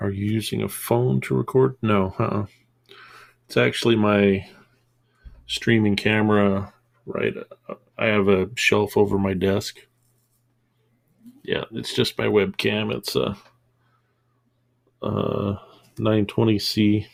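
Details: Adult man who stuttered as a child and still stutters, mainly as stammering pauses mid-sentence, worse under stress; says commercials in his earbud were making him stutter more than usual at this point; finding: stuttering.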